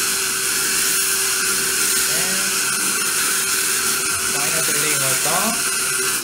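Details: Steady high-pitched whine of a dental surgical drill (tapered implant drill) running continuously during implant placement in a maxillary anterior extraction socket, with faint voices and suction in the background.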